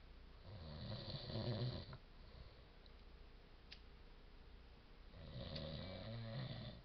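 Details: Person snoring: two loud, rattling inhaled snores about five seconds apart, with a low fluttering rumble and quieter pause between.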